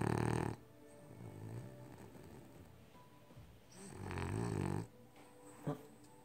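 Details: Sleeping on the couch: two loud, rattling snores a few seconds apart with quieter breathing between; snoring during sleep.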